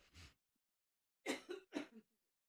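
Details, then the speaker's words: A woman coughing during a radio interview: a soft throat-clear followed by two sharp coughs, recorded quietly. "I know. I feel like I need to give you a cough drop or something."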